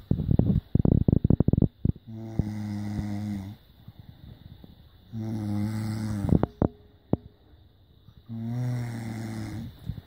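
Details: Person's snoring recorded on a smartphone while sleeping to check for snoring: low, buzzing in-breath snores about every three seconds, after brief handling clicks.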